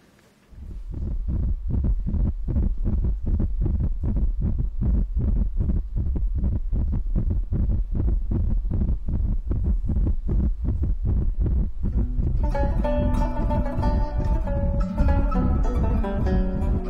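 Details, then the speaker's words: Fetal heartbeat played on Doppler in a TV drama scene: fast, regular whooshing beats about 160 a minute, with music joining near the end. "zaten daha önce Kalp sesini dinlemiş miydiniz Hayır pek bebeklerin önce kalbi oluşur Bakın size dinleteyim"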